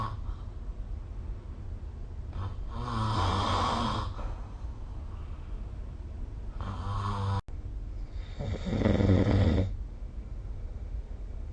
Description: This is the sound of snoring recorded using SnoreLab : Record Your Snoring